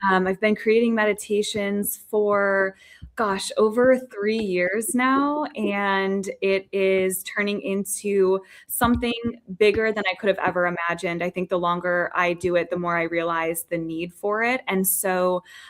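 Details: Adult woman speaking; normal voice.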